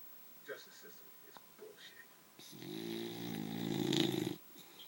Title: My boxer snores